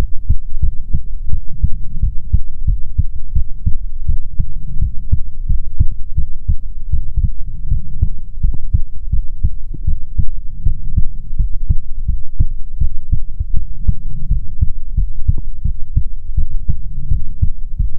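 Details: ASMR heartbeat recording, presented as soothing heartbeats from a female persona: loud, steady, deep beats, roughly 80 per minute, with a low throbbing hum; regular normal heartbeat.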